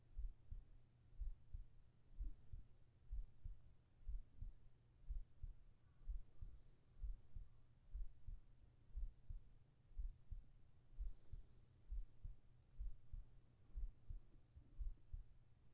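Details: Soft, regular low thumps at about 62 beats a minute under a faint steady hum, from a heartbeat recording made for sleep and relaxation ASMR with whispering: normal heartbeat.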